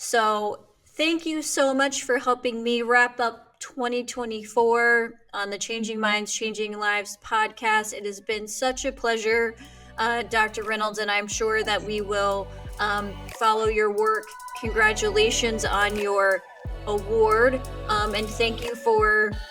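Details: Adult woman speaking; normal speech.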